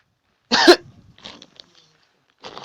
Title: Pretending I've the covid virus. coughing around people (Public Prank) 😂